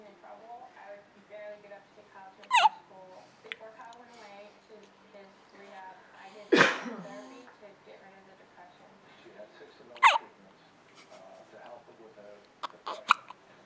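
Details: Sudden sharp gulping sounds recurring every few seconds between soft vocal sounds: hiccups.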